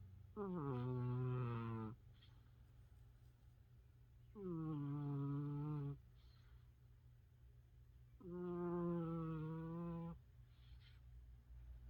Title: Snoring loud & dreaming of YOU❣️